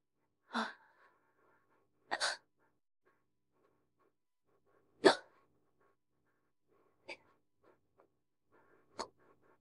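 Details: Woman with hiccups right after drinking a can of beer, in an AI-labelled recording: five short, abrupt hiccups at uneven gaps of about two seconds in a quiet room; hiccups.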